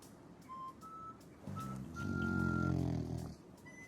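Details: Snoring in a female French bulldog born March 2020, known for heavy snoring: a single loud, rattling snore while asleep, heard against faint background music or whistling tones.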